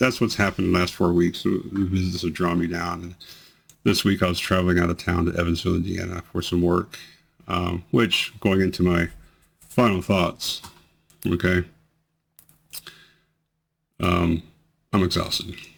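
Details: Man with multiple system atrophy whose worsening tremors, amplified by actions and emotion, include his voice. Voice tremor.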